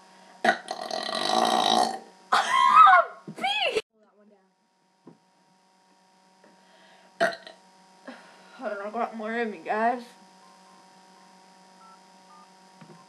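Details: Two girls burping deliberately: a few voiced belches, some long and croaky, between quiet gaps and brief vocal sounds.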